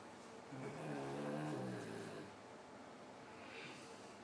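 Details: A single long, low, rattling snore on the in-breath, then quiet breathing; a noisy sleeper snoring.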